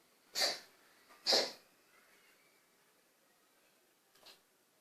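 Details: Pet's asthmatic cough: two sharp, airy, sneeze-like coughs followed by a faint third.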